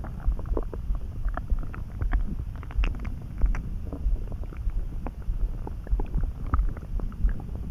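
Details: Sudden stomach rumbling in a person who was neither hungry nor too full, felt in the pit of the gut and eased by a snack; deep gurgling rumbles with bubbly pops and squeaks; borborygmi.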